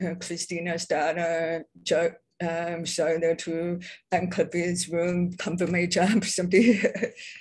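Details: Adult deaf speaker, self-identified as a deaf person with a deaf accent, speaking at a public presentation; deaf speech (deaf accent).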